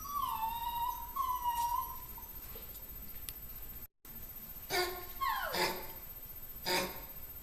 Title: O puppy up all night coughing, poor baby